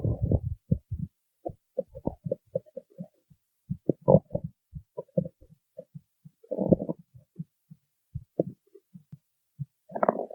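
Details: Stomach growling (borborygmi): irregular gurgles, squeaks and short rumbles scattered through quiet.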